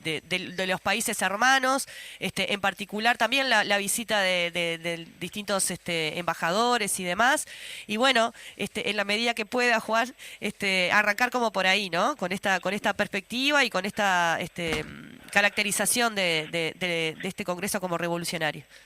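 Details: Adult speaker; normal voice.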